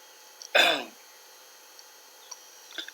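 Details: A single short, harsh throat clear from an adult with a cough and cold, followed by quiet room noise and faint clicks.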